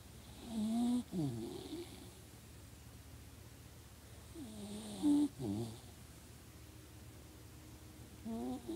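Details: Dog snoring: snorting, rattly nasal and throat noises in two bursts, roughly 14 a minute, with whistly breaths between.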